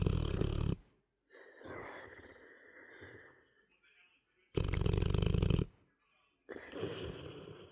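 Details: Large 9-month-old dog sleeping in an odd, contorted position, snoring with a vibrating snore; loud rattling snores alternating with softer noisy breaths out.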